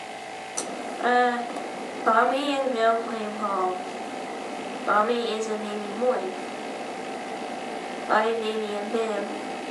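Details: Woman with a resonance disorder reading sentences with no nasal sounds, showing hypernasality and nasal air emission on non-nasal consonants; hypernasality with nasal air emission.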